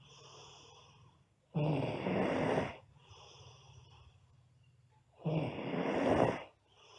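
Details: Two loud, rough, rattling snores on breathing in from a sleeping girl, about four seconds apart, with quiet breathing between; loud snoring.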